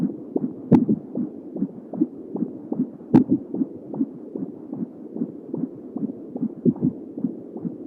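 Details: Home Doppler at 31 weeks pregnant with a baby girl: rapid, even galloping whooshes, a normal fetal heartbeat, with a couple of louder bumps; the recording also captured fetal hiccups and kicks.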